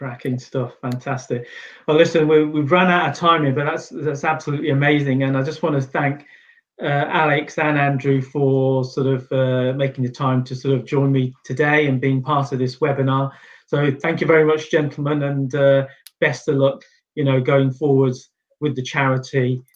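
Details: Adult male speaker; normal speech.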